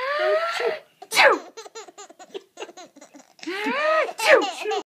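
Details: Child laughing, sharp sneeze bursts between bouts of giggling and belly laughter; sneezing.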